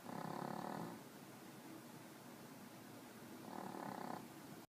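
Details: Sleeping puppy snoring: two loud, rough, humming breaths about four seconds apart with quiet breathing between them.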